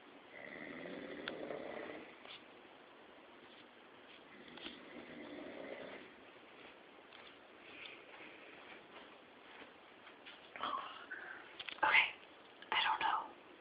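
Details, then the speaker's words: Soft, rattling snores about every four seconds, roughly 15 a minute, from a subject lying on his back, followed by a few louder sharp noises at the end; snoring. "laying on his back and he's snoring."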